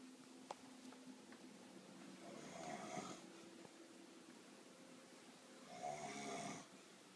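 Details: Two harsh, fluttering snores about three seconds apart against a low room hum; the recorder's own snoring.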